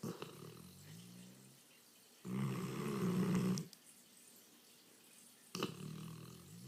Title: My English Mastiff snoring